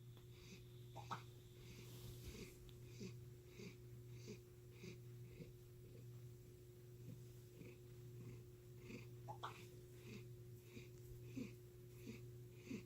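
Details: Cat that never had a normal purr: quiet, regular rasping breaths about once a second over a steady hum; noisy, heavy breathing rather than a normal purr.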